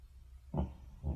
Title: French Bulldog Sleeping And Snoring Sound Effect